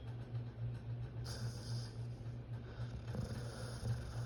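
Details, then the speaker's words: Pit bull dog that jumped into its owner's bed, snoring close to the owner's ear: a low, fluttering rumble with each breath over faint room noise; dog snoring. "Why would he jump in the bed with me and snore in my ear?"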